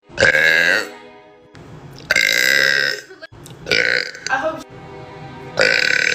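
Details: Several long, loud, voiced belches with music in the background, followed by a throat clear; burping.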